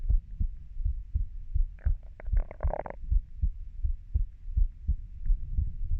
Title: my heartbeat sound 30 year